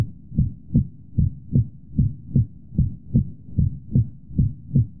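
Regular lub-dub heart sounds at about 75 beats a minute, a normal S1 and S2 with no murmur.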